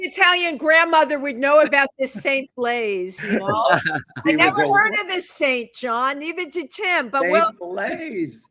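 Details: Adult woman speaking; Normal speech.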